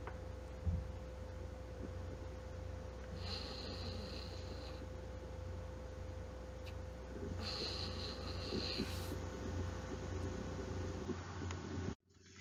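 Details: Active nasal fricative, a phoneme-specific mislearned articulation with the tongue tip stopping oral airflow, so the sound is fully blocked on nose occlusion; treated by speech therapy, not surgery.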